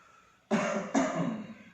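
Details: Two strong, forceful coughs in quick succession after quiet: an effective cough in a chest physiotherapy demonstration by a nursing student, done after drinking warm water and deep breaths, to clear mucus.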